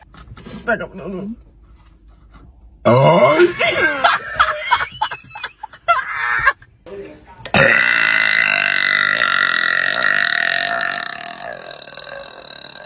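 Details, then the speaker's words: After a carbonated drink in a prank, the person says it hurts, then strained vocal sounds and a long, loud, drawn-out burp lasting several seconds, fading out; burping. "Oh, okay. You did it. You did it. Now you can burp."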